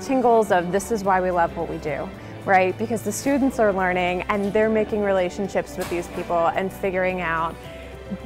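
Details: Adult woman speaking; Normal speech.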